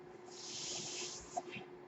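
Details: A soft airflow hiss swells and fades over about a second, then a small click, over a faint steady hum: the speaker's own mechanical ventilator running while he talks.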